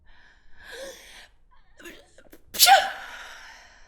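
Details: Woman's single sneeze recorded on a Zoom H5 handheld recorder: breathy rising in-breath and voiced 'ah' build-up, then one sharp explosive burst fading into a short hiss.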